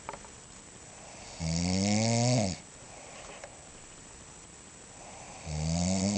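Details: Two sleeping adults snoring, a woman first and then a man: loud, low, fluttering snores on inhalation, two breaths with quiet pauses between; ordinary snoring.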